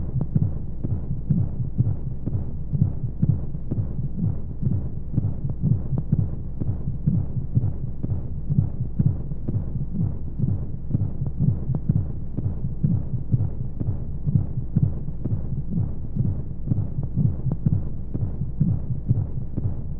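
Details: Baby sleep-aid womb sound: a steady, muffled heartbeat at a regular rate under a constant whooshing hiss and white noise, like the heartbeat heard from inside the womb.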